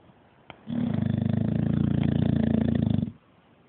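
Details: Bulldog snoring: one long, loud, fluttering, rattling snore on a single breath, lasting over two seconds.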